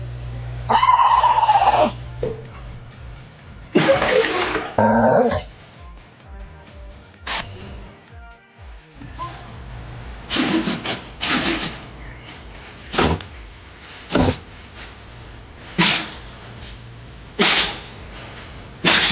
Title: Sneezing Dogs